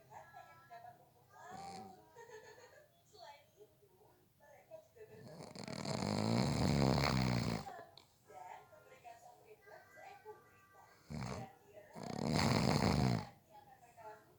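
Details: Snoring during a nap, from someone said to have fallen asleep within 30 seconds: two loud, rough, rattling snores on the in-breath about six seconds apart, over quiet room sounds and faint background voices.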